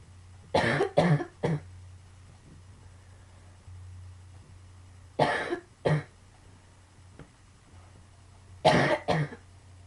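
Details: Chronic cough from pulmonary sarcoidosis, coughing heavily: three bursts of two to three harsh coughs over ten seconds with low background hum.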